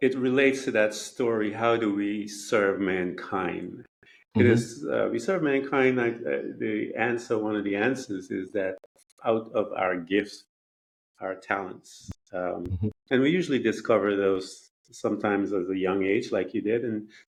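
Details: Adult man speaking; normal speech.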